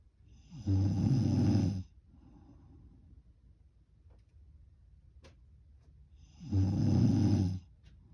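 Two loud, deep, rattling snores about six seconds apart, near 10 a minute, with quiet breathing between them.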